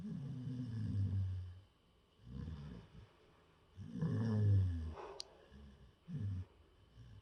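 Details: Asleep in a person's lap: deep rumbling snores in an uneven rhythm, roughly 17 a minute, with quiet pauses between breaths; snoring.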